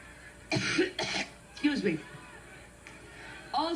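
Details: A woman coughing during a speech: two sharp coughs, then throat clearing and a strained voiced sound.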